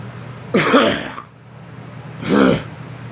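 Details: Two separate voiced coughs from a girl, about two seconds apart, with a steady low background hum.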